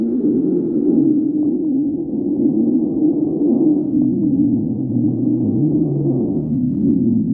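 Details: A continuous low, gurgling rumble with sliding, moaning tones; stomach growling (borborygmi).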